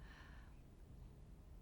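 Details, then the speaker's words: Sleeping pet dog napping in warm sunlight, snoring quietly: a brief soft snorting breath over a low, steady rumbling growl. "음 그르렁 그르렁 하면서 코를 고는 것은 저희 집에 있는 n 저희집 강아지 # 페이가 자면서 되는 소음 입니다"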